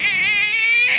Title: big baby's crying